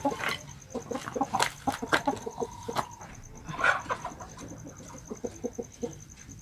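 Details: Pet Bangkok rooster, sick about three weeks with a cold and noisy breathing (ngorok); owner seeks treatment. Short clucks and breaths carry a rough, gurgling rattle, consistent with respiratory infection such as infectious coryza.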